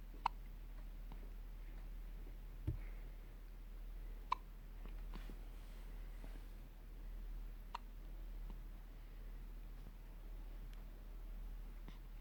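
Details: Newborn girl a few hours old having her first hiccups, brief sharp little hiccup clicks at irregular intervals, about five in twelve seconds, in a quiet room; newborn hiccups.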